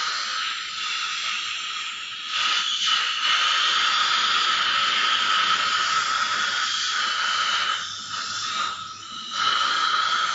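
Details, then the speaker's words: Ultrasonic scaler cleaning the teeth of an adult dental surgeon during his routine six-monthly scaling: a steady high-pitched hiss and whine with brief dips as the tip moves over the tooth surfaces. "આ ultrasonic machine છે જેની મદદથી cleaning થતું હોય છે"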